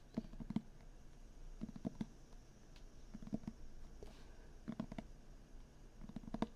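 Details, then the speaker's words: Stomach rumbling (borborygmi) during a live ASMR stream, partly masked by a passing truck. "Uh oh, the stomach rumble. ASMR has begun. I don't know if you could hear it over that truck, but we started again. The tummy rumbles."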